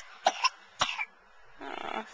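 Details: Two short, light coughs from a child followed by a soft breathy sound; child cough recorded with a Flip Video camcorder.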